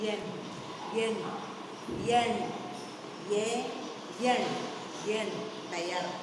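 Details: Deaf child in speech therapy says the names of numbers; deaf speech.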